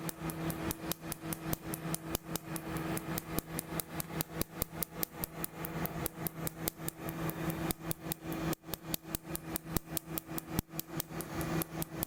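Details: Second laser tattoo removal session on a woman's central chest tattoo; rapid sharp snapping laser pulses over a steady hum.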